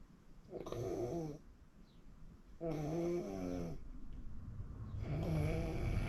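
Repeated buzzing, rattling breaths in sleep, a few seconds apart, over quiet room noise; snoring.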